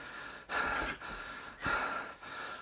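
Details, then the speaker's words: Woman after a grand mal tonic-clonic seizure, arms and leg locked: two deep, noisy gasping breaths about a second apart with quieter breathing between; labored post-seizure gasping respirations. "just now she had trouble breathing so I was going to phone 911 but now she's [Applause] breathing"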